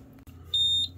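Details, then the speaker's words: Alaris IV infusion pump under repair for animal aid, started with mains power disconnected; a single loud high-pitched electronic alarm tone over room hum, signalling a flat battery. "I tried to start the system with the mains disconnected and it's uh going that the battery is flat which is interesting that probably means the batteries are very flat"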